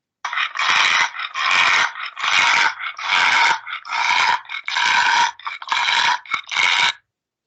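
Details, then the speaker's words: Stertor in a brachycephalic dog with brachycephalic obstructive airway syndrome (BOAS): loud, harsh, snoring-like noise on each rapid breath, the respiratory noise assessed when grading severely affected dogs. "so we can pick out the most severely affected dogs now the respiratory noises that we're looking for are the sturter"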